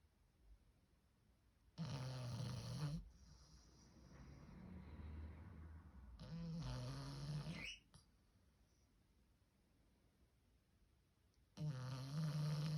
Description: Just little 4month old frenchie snoring away like a man